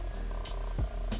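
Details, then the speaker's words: Fetal heartbeat (measuring 6 weeks on HCG) in a mother with subchorionic hemorrhage, heard on an early abdominal ultrasound: brief rhythmic whooshing pulses at 123 beats per minute. "this is baby and their yolk sac and we also got to you know hear the heartbeat"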